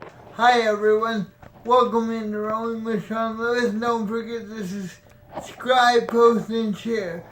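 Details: Mild dysarthria in a male with spastic diplegic cerebral palsy, born premature and diagnosed at 8 months; the condition affects muscle tone including the tongue, and he had speech therapy as a child.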